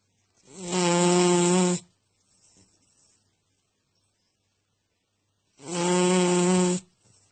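Two loud, buzzy, strongly voiced snores about five seconds apart, with quiet exhalations between; loud snoring.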